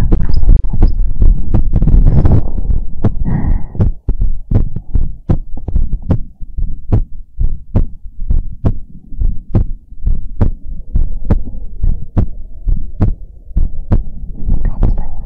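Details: ASMR heartbeat recording: loud, steady thumping heartbeat at about 69 beats a minute, with some handling noise at the start and end; normal rhythm.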